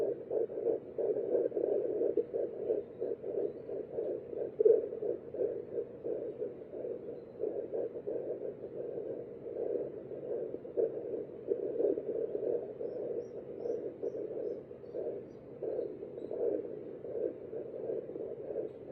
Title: 8 weeks 6 days fetal doppler heartbeat 💓